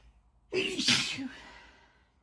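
A single loud, explosive burst after a short intake of breath, a typical sneeze.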